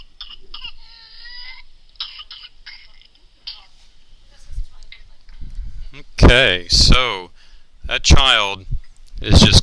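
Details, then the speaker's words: Infant with whooping cough (pertussis) coughing in repeated quick bursts, then drawing in breath with loud, high-pitched whoops. "I mean this poor baby coughs and coughs and coughs unti"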